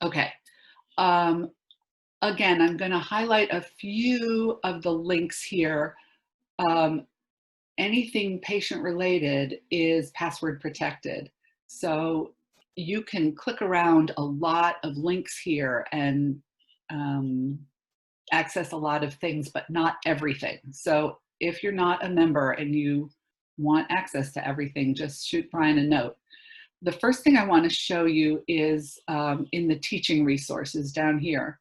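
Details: Adult woman; normal speech.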